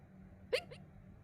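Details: Hiccup during a live stream: a single short, sharp voiced gulp over quiet room noise.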